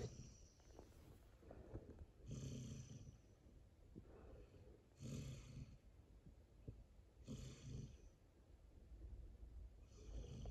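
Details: A black Labrador snoring, recorded in 2022: low rattling snores with some snorting, about 23 breaths a minute, slightly irregular.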